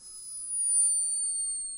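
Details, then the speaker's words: Squeaky snoring of a resting hummingbird in torpor, recorded by a scientist in Peru: a very high, thin whistling tone that rises slightly and fades. "I thought you were going to be really excited by the snoring hummingbird that's what it sounds like right"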